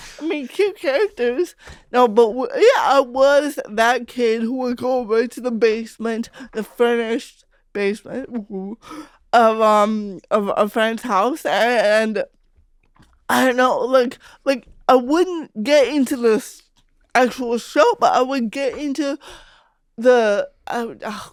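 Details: Adult female comedian with cerebral palsy, real conversational speech; dysarthria (cerebral palsy)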